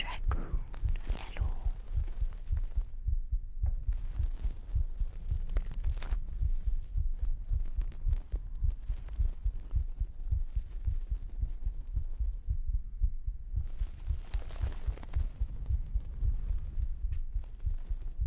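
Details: Pre-recorded heartbeat used as an ASMR sleep trigger, 3Dio binaural microphone; steady, deep, muffled thumps at roughly 100 a minute under a dull rumbling background; regular heartbeat.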